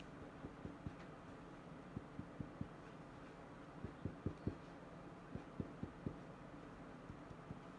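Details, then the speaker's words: Chest percussion between intercostal spaces during a respiratory assessment of a client, checking for dullness: short groups of sharp finger taps giving a normal percussion note without dullness. "we're actually gonna pick us and see if we can hear any dull sounds or any um abnormal noises so you do this in-between intercostal spaces"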